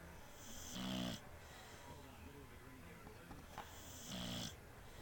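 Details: A beagle snoring during a nap: two loud, rattling snores about three seconds apart, with quiet breathing between them.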